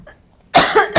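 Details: Adult on a sick day: a single harsh cough followed by a brief throat clear, in a quiet room.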